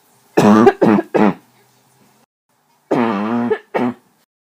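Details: Adult coughing at night, feeling terrible and unable to sleep: two runs of harsh, voiced coughs, five in all.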